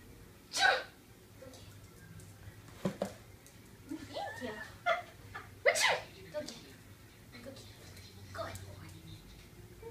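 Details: Person sneezing while a dog is trained to fetch a tissue: a few short sneeze-like bursts mixed with soft speech and room noise; sneezing.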